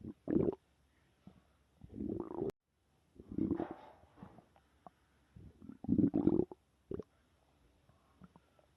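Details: Stomach growling (borborygmi): irregular gurgling and rumbling bursts from the abdomen with quiet gaps between them.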